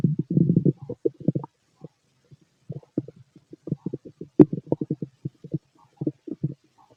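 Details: Adult male's healthy digestive system, loud stomach growling: bursts of low gurgling and bubbling from the belly with a sharp pop near the middle; normal bowel sounds (borborygmi).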